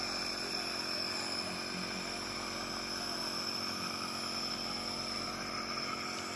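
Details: Nebulizer compressor running during a treatment for cough and cold (batuk pilek): continuous steady motor hum with a high hiss.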